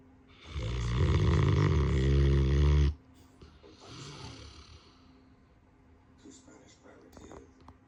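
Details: Saint Bernard dog snoring: one long, loud, deep rattling snore on an in-breath, followed by quieter breathing and faint room noise.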